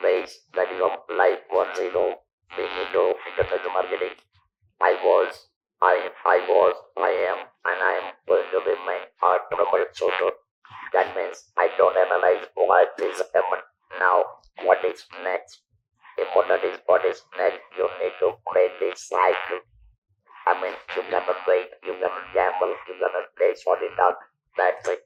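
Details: Male survivor of stage 4 vocal cord (throat) cancer, operated in 1997 (about 10,000 days earlier), natural voice lost, speaking with an electrolarynx held under the jaw; electrolarynx speech.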